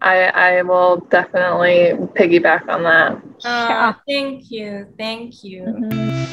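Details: Adult woman speaking; no speech disorder.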